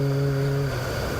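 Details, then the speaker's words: Snoring from an adult man recorded at home: a quiet, weird-sounding snore he finds annoying, its source unclear (listeners suggest throat rather than nose). "but I don't know where this sound is coming from but this is me snoring for the first"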